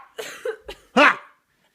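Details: Two or three harsh, forceful coughs from an adult woman acted in a comedy skit, said to have had the coughs for a few days.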